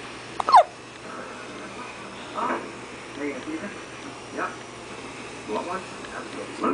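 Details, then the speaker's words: A 45-day-old baby hiccups while falling asleep: short, abrupt gulping sounds every second or two against room noise, with a soft adult voice nearby; infant hiccups. "i know you can't see zion but he's having yeah that's him having hiccups and he's falling asleep and actually he's asleep wake up evidence that hiccups the mother babies because he's asleep sleeping like an angel"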